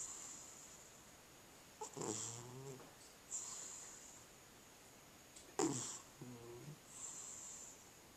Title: Cat Snoring